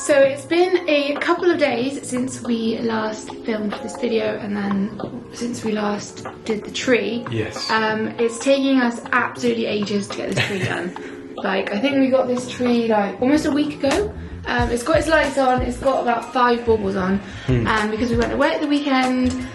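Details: Adult woman speaking; normal voice.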